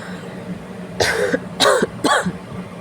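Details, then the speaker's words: An adult who has a mild illness with fever, now improving, gives three short, rough coughs with brief pauses between them over a low background hum; an ordinary cough. "ചുമയാണ് കേട്ടടോ എന്ത് ചെയ്യാനാ ചെറിയ ഇച്ചിരി അസുഖ ഒക്കെ ആയിട്ട് ഇരിക്കുാ പനിയൊക്കെ ആയിട്ട് ഇരിക്കുാ"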